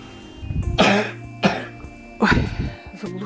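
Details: Three muffled, forceful coughs in quick succession from a sick child with a diagnosed staphylococcal and streptococcal infection on antibiotics, coughing into a pillow, over background music; a coughing fit.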